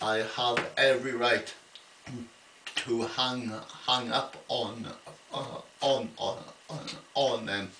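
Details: Adult man with an ongoing stammer, attending a weekly speech therapy group: stuttering.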